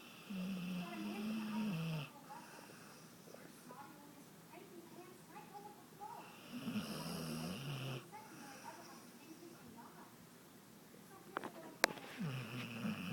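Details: Female, described as out cold asleep: rough, fluttering snores with each breath, with some background voices and room noise; snoring.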